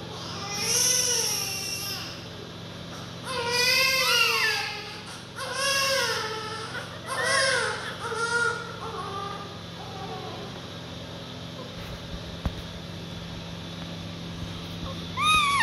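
Strong, rising-and-falling cries from a newborn in bursts with breaths between, then quieter; a healthy newborn cry.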